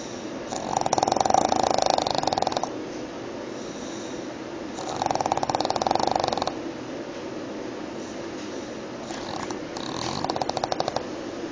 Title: Pug snoring..